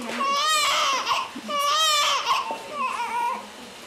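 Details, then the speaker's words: Loud, high-pitched wails from a newborn boy of an insulin-treated diabetic mother, crying during a heel-prick blood sugar test for hypoglycaemia risk; glucose was low (2 to 2.8). "Now, the doctors have to test the baby's blood sugar level. This is going to make him cry."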